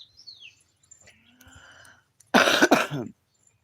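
Brief rough cough-and-throat-clear burst from an adult woman, after faint background chirps and quiet room sounds.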